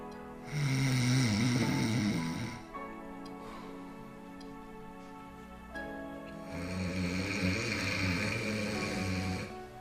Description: snoring may not be disturbed you but it hurts your body and health